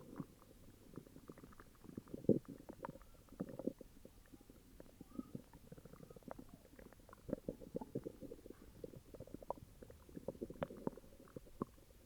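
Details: Upset stomach: irregular gurgling, rumbling bowel sounds continue throughout, stomach growling: borborygmi.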